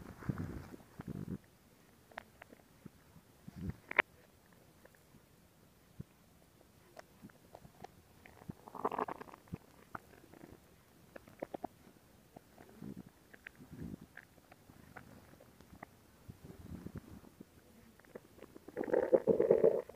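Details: Stomach growling recorded as ASMR: soft, irregular gurgles and low rumbles from the belly with quiet gaps between them, ordinary borborygmi.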